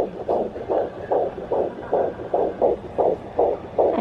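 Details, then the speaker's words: Regular whooshing pulses about 146 per minute: fetal heartbeat at 16 weeks of pregnancy on a home Doppler; baby had been moving, mother thinks it fell asleep. "if you're lucky sometimes you can hear them like kick the doppler or a swoosh when like he or she moves or sometimes i'll be in the exact same spot and like also in the heartbeat will go away"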